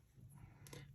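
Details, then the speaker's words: Snoring from a resting dog during a crochet tutorial: a brief, low, fluttering rumble. "ok that sound that comes in my shorty that is snoring my my dog then in case it makes them strange that sound is my dog that is in red this is snoring"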